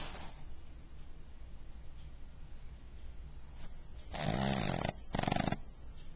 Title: Snoring Pug